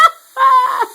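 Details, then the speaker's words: An adult's hiccup after drinking, during an attempt to cure it with a cup of water and a washcloth: a brief burst, then a loud, high, honking squeak of about half a second, like a bird call. "i got full of water which means hiccups be gone"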